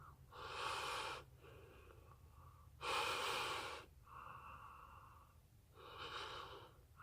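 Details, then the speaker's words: Three loud open-mouthed breaths with a faint hiss between them as a singer breathes in, holds and breathes out through a U-22 mesh nebulizer mouthpiece for vocal cord hydration. "the way I like to use it at first is I like to breathe in hold and then breathe out breathe it in and then breathe out and then obviously you can just sort of normally inhale as well"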